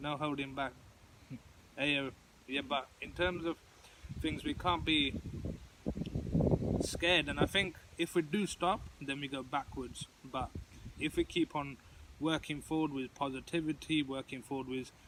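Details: Adult who stutters, participating in a stuttering support group discussion; stuttering.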